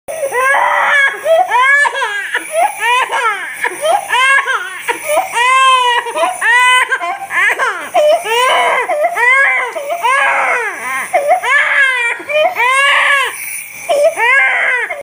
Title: Baby Crying while talking nebulizer 😭😭😭😭